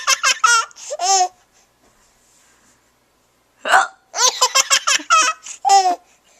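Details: Hiccups from a 6-month-old baby who laughs at them, recorded with a Flip Video camcorder.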